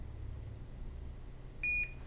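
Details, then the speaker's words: Vetronic SAV04 small-animal veterinary ventilator (t-piece setup, 100 g–60 kg patients), demonstrated disconnected so no breath is detected: single high electronic beep over low room hum, the repeating no-breath alarm with message on screen. Ventilator no-breath alarm. "as you see the no breath alarm is displayed on the screen and we have a repeating alarm sounding"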